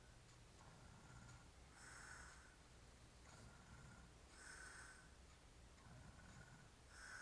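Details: Drunk, hairy-chested man asleep: quiet, regular snoring breaths about every 2.5 seconds, roughly 24 a minute, with a soft snort on each breath, ordinary sleep snoring.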